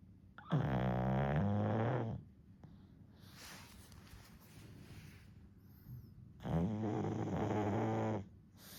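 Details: 1-year-old pug snoring during a daytime nap, falling back asleep: two loud, buzzy, droning snores, about ten a minute, with quiet breathing between.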